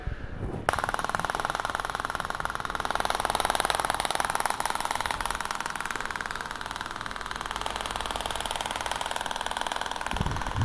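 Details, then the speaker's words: Shock wave device on the Achilles tendon at high power the patient can barely stand, over gel, avoiding bone, 2,000 shots: rapid, steady mechanical tapping at about ten pulses a second. "So when I carry on and carry on, and you'll see that 2,000 shots are going to be done really, really quickly. We're going to get over with 2,000 shots really quickly."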